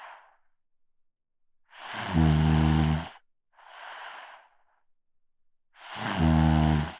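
Loud low rattling snores on two breaths, with a quieter breath between, in a quiet room; ordinary snoring.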